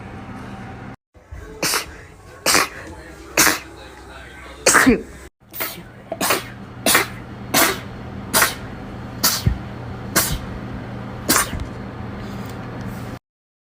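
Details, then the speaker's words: A rapid run of about a dozen short, sharp sneezes, roughly one per second, over steady room noise: repeated rapid sneezing. "watch me sneeze for three minutes straight thank you thank you thank you you're smart foreign"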